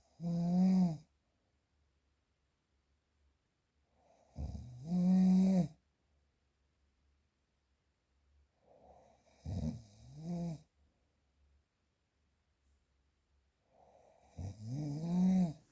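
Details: Real unprocessed recording of snoring: loud, low rattling snores recur with each breath, about four in fifteen seconds, separated by quiet exhalations.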